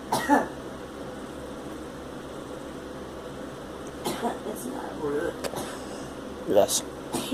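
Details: A girl gives a few short, harsh coughs over a steady engine-like hum.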